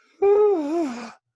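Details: Inspiratory stridor simulated by an adult EMT lecturer while describing croup: a single high, tight, whistling crowing sound on one breath, from a narrowed upper airway.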